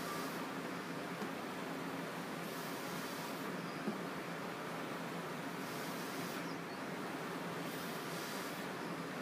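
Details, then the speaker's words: Respironics V60 non-invasive ventilator in BiPAP mode, demonstrated on the presenter: steady airflow hiss with periodic louder gusts as the ventilator triggers on his spontaneous breathing through the circuit. "okay so it automatically will trigger on as soon as I start breathing through the through the circuit here and hung up on that"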